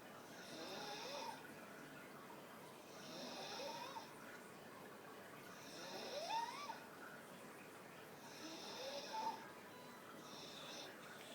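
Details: Soft, regular snoring from a Staffy dog sitting with eyes wide open, about five snores in eleven seconds, with a faint whistling note on some breaths.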